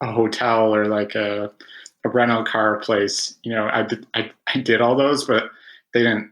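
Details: Adult man who has stuttered since about age five, with about 20 years of speech therapy; real stuttering.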